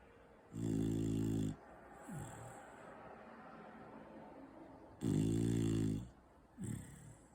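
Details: Loud, rough, low snores with softer snorting sounds between them over steady room noise, from a sleeping four-month-old Beagle Bull puppy: snoring.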